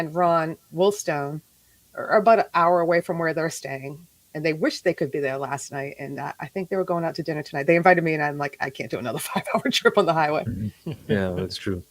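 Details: Adult speaker; Ordinary conversational speech.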